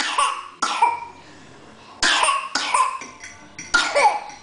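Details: Child giving about five short, sharp, deliberately produced fake coughs; voluntary, acted cough rather than an illness cough.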